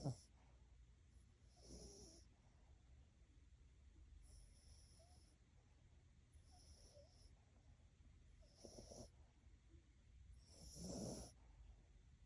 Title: My dog Frodo has the sweetest snore! #snoringpoodle #quietsnore #dogsnoring #ilovemydog